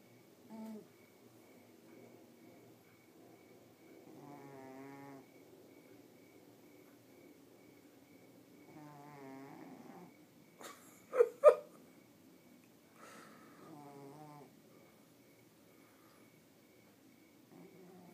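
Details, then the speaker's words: Woman asleep, snoring: soft rattling breaths every few seconds with two sharp louder snorts in the middle, in a quiet room; snoring. "stop snoring! Quit yelling like that."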